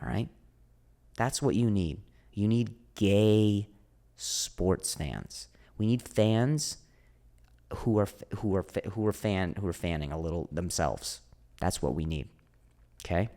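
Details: Stuttering in an adult man, a comedian known for his stutter, with audible word repetitions.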